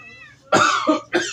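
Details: Two harsh, forceful coughs from an adult man, the first with a short follow-on burst, over faint room hum. This is an acted comedy sketch in which he complains of a severe cough and asks for cough medicine.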